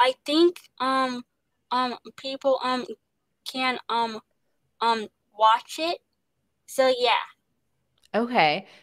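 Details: Stuttering in a young woman, an actress, with repetitions and interjections.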